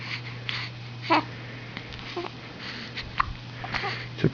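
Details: Eleven-day-old newborn with hiccups: soft, abrupt catching sounds about once a second over a steady room hum; repeated hiccups.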